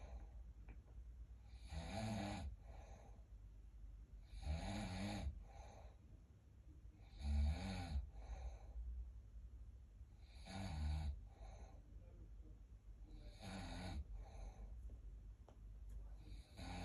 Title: Snoring 💤 😴😴😴